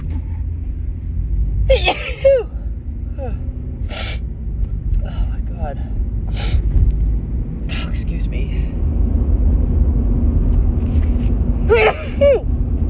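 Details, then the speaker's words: Repeated allergy sneezing in a woman during a March morning car ride: several sharp, voiced sneezes with catching breaths over steady car noise, while she says she can't stop sneezing. "Oh God, excuse me. Just can't stop sneezing this morning."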